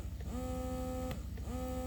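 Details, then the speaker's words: Updated Baby Buddha breast pump motor in single-wave stimulation mode, giving straight pulls without the original pump's long pull: steady motor hum with short, even pull cycles about every second. "you just get straight s straight pulls okay you don't have the suck suck suck suck long pull like you did in the original pump"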